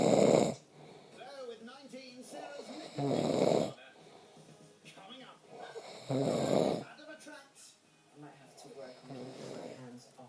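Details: Adult man's snoring (he denies snoring): loud rough snores on in-breaths roughly every three seconds, with quieter talk or music between them.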